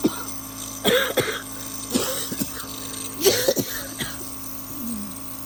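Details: Person who says they are not sick or feeling bad but cannot talk: several harsh coughs and throat-clearing bursts in quick, uneven succession, with a steady background hum.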